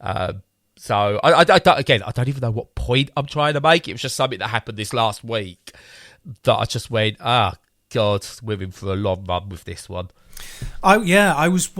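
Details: Man who reports pausing, struggling to get words out, stuttering, frequent breaks, odd noises and tics while talking, discussed alongside ADHD in his family; stuttering.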